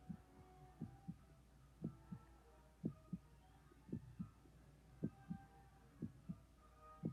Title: Relaxing heartbeat sounds for easy sleep and relaxation